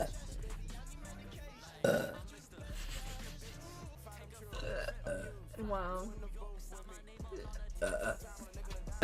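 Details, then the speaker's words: Woman gives several loud, deep belches over background music; repeated burping. "I'm burping so much."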